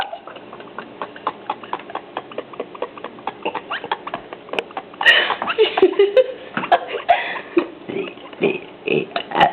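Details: Deliberate belching of the alphabet, letter by letter, in a long run of short gulping burps with background noise; burping.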